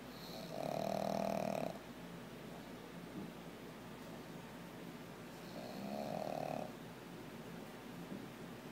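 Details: Pug sleeping beside its owner, with two loud, buzzing snores about five seconds apart and quiet breathing between: snoring.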